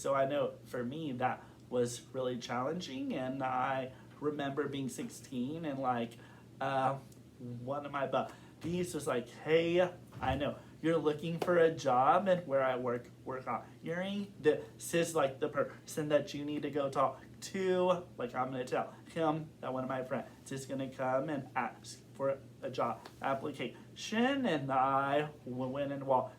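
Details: Adult man who has stuttered since kindergarten, reporting recent blocking and severity and form varying over time; stuttering.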